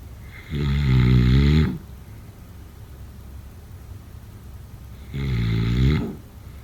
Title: Snoring sounds … #7